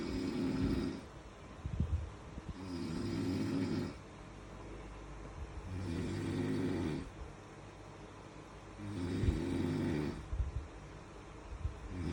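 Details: Loud, low rattling snores on each in-breath, about 20 breaths a minute, steady and rhythmic; snoring.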